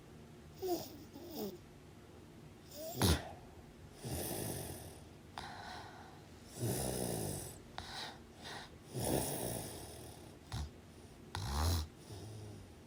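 Rough, rattling snores with each breath in a quiet room, uneven in strength; ordinary snoring from vibration in the throat during sleep.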